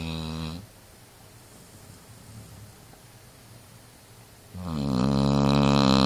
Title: snoring dog